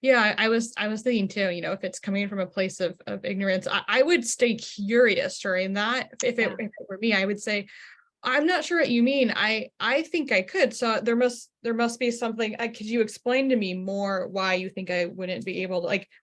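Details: Adult woman; ordinary speech.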